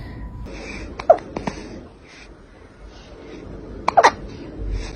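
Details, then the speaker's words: Kittens hiccuping: soft, brief, abrupt clicking sounds in short clusters over quiet room noise, with a voice asking if they have hiccups. "oh hello have you got hiccups do you have the hiccups"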